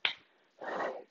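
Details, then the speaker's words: A single sharp crack from the instructor's knee during a yoga chair-pose movement with knees slightly bent, then a soft rustle of movement; harmless knee crepitus. "vous entendez peut-être mon genou qui craque."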